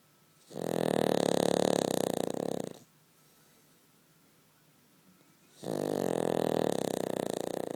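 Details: Cavalier dog sleeping comfortably between its owner's legs: two long, loud, buzzing rattles on the in-breath, separated by quiet pauses; snoring.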